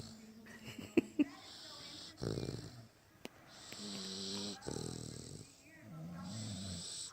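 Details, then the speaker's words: Two sleepers, one of them the mother, taking turns snoring: alternating rough, buzzy snores with faint room noise between. Ordinary snoring. "can hear both of them alternating. That's Mama. That's"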